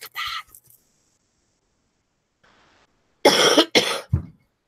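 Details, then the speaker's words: Adult recovering, first day feeling better, with a still-running nose blamed for the cough: one short cough, a pause, then two harsh, sharp coughs with a voiced tail, no rattle; dry cough. "I apologize in advance but I think it's just from my nose running so much"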